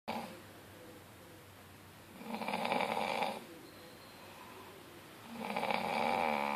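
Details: Man snoring: two long, rough, fluttering snores about three seconds apart, with quiet breathing between.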